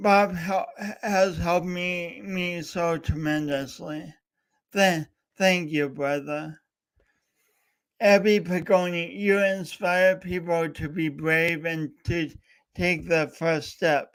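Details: Male host with a self-described speech impediment, coached by a speech coach for years, talking live for three hours straight as a challenge; stuttering.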